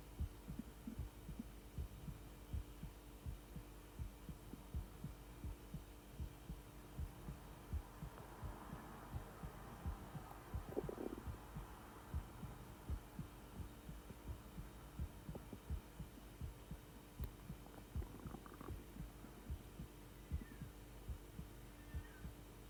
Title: Heartbeat sounds and my intestines fighting in the background 😂😩